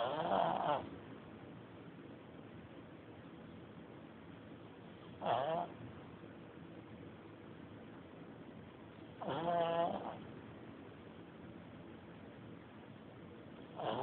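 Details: Snoring: short, tonal snores repeating about every four and a half seconds, roughly 13 breaths a minute.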